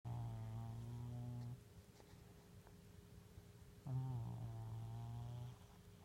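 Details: A sleeping cat snoring: two low, rumbling, buzzy breath sounds separated by quiet pauses.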